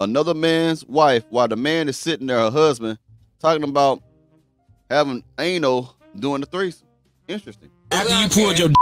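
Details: Adult man speaking; normal speech.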